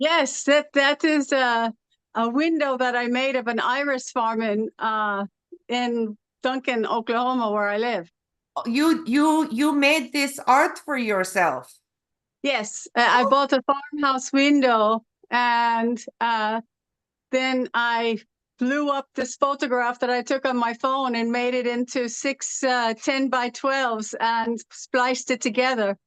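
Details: Adult woman from Los Angeles with foreign accent syndrome since about 2016 after severe allergic reaction to a hospital spray, accent further changed after a 2020 TIA; generalized dystonia with vocal cord spasms, about 30 per 30 seconds measured; foreign accent syndrome.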